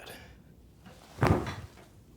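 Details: Side-lying lower back chiropractic adjustment of a first-time adult female patient with neck, upper and lower back stiffness; a single dull pop with a short thump: joint cavitation, a normal gas release within the joint.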